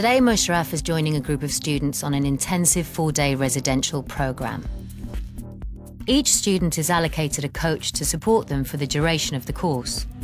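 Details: Adult narrator; fluent speech.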